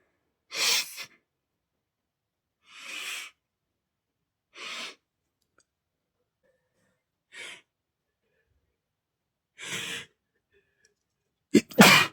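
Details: Male sneezing bout triggered by dust on old clothes: about six short, breathy bursts with pauses, ending in a louder sneeze; sneezing.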